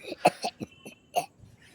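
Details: Child pretending during play to cough violently: a short run of harsh, forced coughs, an imitation and not a real illness.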